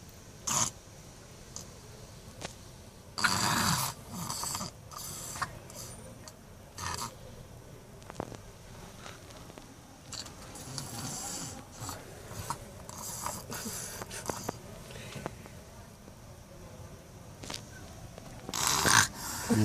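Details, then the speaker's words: Sleeping baby snoring: irregular snorting, snuffly breath noises with louder bursts on some breaths, over a steady background hiss. "Você suja com o ronco dela mesmo."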